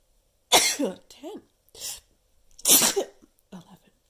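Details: Person counting their own sneezes, trying to reach 10; two loud explosive sneezes, each with a short voiced catch, quiet breaths between. Sneezing.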